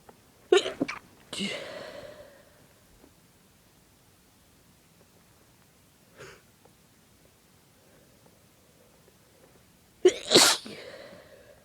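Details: An adult with a bad cold for about three days, with a sore throat, fever and a badly running nose: two strong, forceful, wet sneezes, each preceded by a sharp intake, with a snuffly sniff between.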